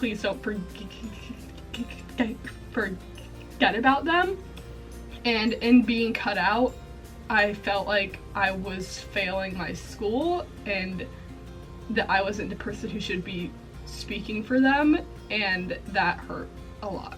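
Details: Female college student with a self-reported stuttering disorder, with repetitions throughout; stuttering.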